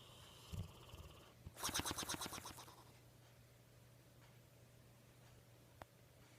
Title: Funny snoring dog